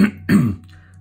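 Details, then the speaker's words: Single short, low, rough throat-clearing cough from an adult man who is still shaking off the end of a cold and cough, with a croaky voice. "You have to excuse me, I've had a bit of a cough. My voice is struggling at times still."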